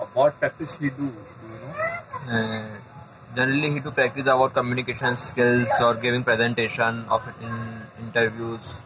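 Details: Adult man who stammers, getting stuck on words, trying techniques to manage extra muscular stress while speaking; stammering.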